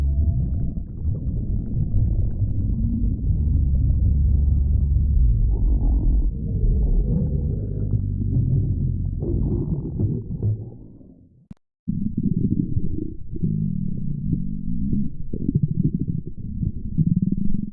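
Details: Long, low, wavering rumbles and gurgles with a brief break: ordinary stomach growling (borborygmi).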